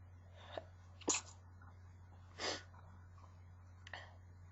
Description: just more sneezing. Got more powerful at the end so I couldn't stifle as much :P